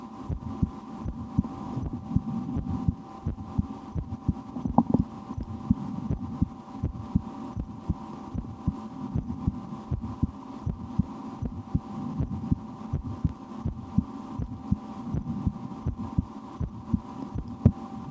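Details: Own heartbeat recorded through a stethoscope for relaxation, sometimes holding breath or trying to raise the rate, with a loudly digesting stomach after lunch: soft thumps partly masked by steady hum and rubbing noise; normal heart sounds.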